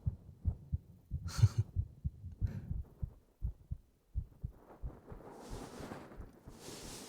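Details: Steady, soft, low heartbeat thumps in a regular rhythm, with some fabric rustling toward the end; a man's heartbeat recorded with binaural 3Dio ear microphones in a scripted audio drama, his partner lying on him; normal heartbeat.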